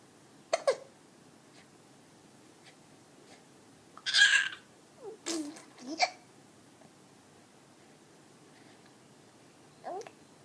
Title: 4 mthsBaby Hiccup & talking